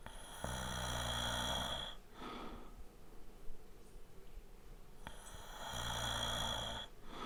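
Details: Light snoring, a sound-effect recording made with a Zoom H4n Pro at 96 kHz/24-bit; snoring.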